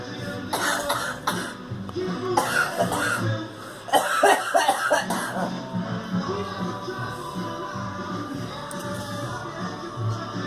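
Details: Girl coughing: a child's short coughing bursts come in a few clusters over steady background music.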